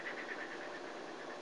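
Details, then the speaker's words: Patient exhaling through a Flutter valve during a respiratory therapist's teaching demonstration: steady rattling buzz through one exhalation as the ball oscillates, vibrating the airways to loosen secretions. "okay you've done 10 of those now you notice how that's shaking your lungs with each breath"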